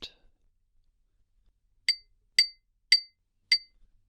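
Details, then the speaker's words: Simulated roleplay hearing test for a patient with a week of headaches and nausea and a muffled right ear since yesterday: four sharp ringing tuning fork clinks about half a second apart, left ear then right; the right sounds muffled. "I'm going to tap this class by your ear and I'd like you to tell me if the sound is different in each ear and how"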